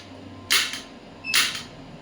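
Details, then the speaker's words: Electromagnetic shockwave therapy applicator on the elbow joint at 1 Hz, starting at 5 mJ with energy being increased: two sharp hissing snaps about a second apart, the handpiece firing. "So as you can see I I'm increasing the energy now."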